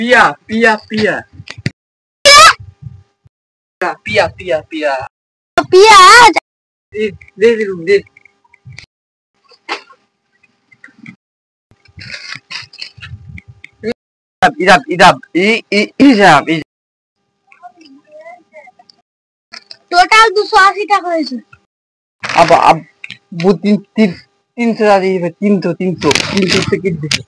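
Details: Imitated stuttering with repeated words, performed in a comedy skit.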